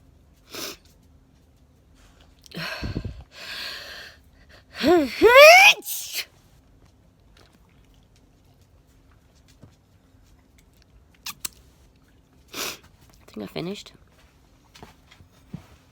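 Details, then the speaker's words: Daytime sneezing: several sniffs and catching in-breaths build up to sneezes, with squeaky high-pitched voiced bursts and quiet pauses between. "ah just started sneezing again i might catch another daytime sneeze"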